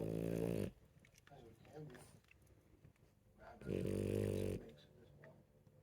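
Two long, buzzing, growly snores a few seconds apart, with quiet room sounds between them. Snoring in a sleeping puppy.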